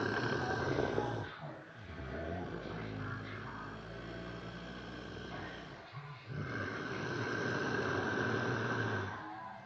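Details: A man's (brother's) heavy snoring: loud, rough, rumbling breathing with a brief pause near the middle. Snoring.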